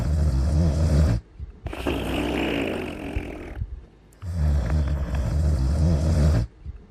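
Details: A sleeper snores steadily, with deep, rattling, low snores on each in-breath and softer, breathy out-breaths between them.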